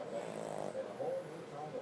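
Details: Sleeping pug that won't wake even for a treat, snoring with eyes open: a brief rough, fluttering snore; noisy breathing during sleep; snoring.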